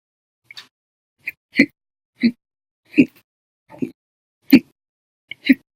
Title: 9/11/19, Violent, Bad Loud, Silent, Minute, Second Hiccups Audio Only